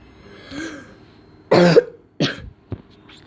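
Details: A soft throat sound, then two short coughs and a brief catch during a video-game recording; a mild cough, apparently from a child who is unwell.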